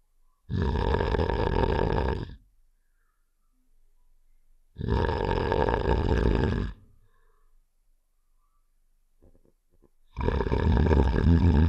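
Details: Three long, loud, rough rattling snore-like sounds about four seconds apart; simulated snoring sound effect from the game Save The Shapes (Heart character).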